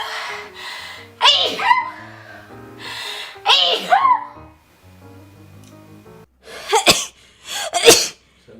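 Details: Four sharp explosive sneezes, some preceded by a drawn-in breath, over soft background music; repeated sneezing.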